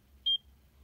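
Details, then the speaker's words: Check Me Pro portable EKG device held on the left palm, thumb and index finger on the sensors, beeping with each pulse during a 30-second ECG check; pulse rate reading about 80-86, result a normal, regular ECG. "calibration it's going to check for 30 seconds right now it's already reading your pulse rate at 80 minus 86.87 great"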